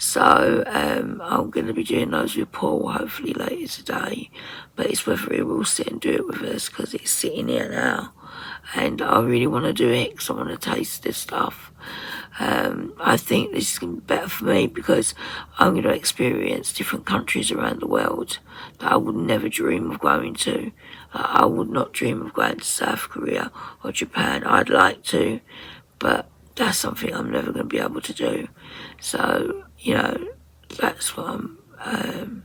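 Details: 57-year-old woman with tight, stressed vocal cord muscles, beginning after COVID pneumonia, also affecting swallowing; ENT found mucus and laryngeal infection; voice distorted, sometimes unable to speak; in speech therapy; muscle tension dysphonia.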